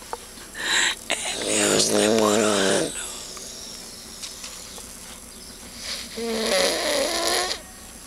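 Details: Adult man sleeping while camping at a beach: two loud, buzzy, rattling breaths with a noisy pause between; snoring.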